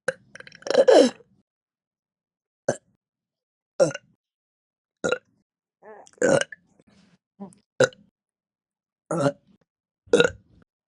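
About nine loud, short throaty burps spaced over ten seconds in a quiet room, each a brief voiced belch: repeated burping.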